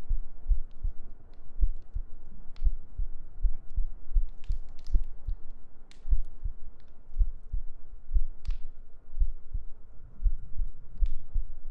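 Soft, regular low thumps of a heartbeat, about 80 beats a minute, over a faint steady hum; occasional light rustles.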